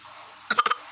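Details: Baby making a short burst of three or four small pretend coughs over a quiet background hiss.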